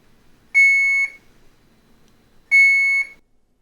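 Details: Two clear half-second electronic beeps about two seconds apart from an Alaris 8100 infusion pump module (with 8015 PC unit) after the module is reconnected during preventative maintenance testing, in a quiet room.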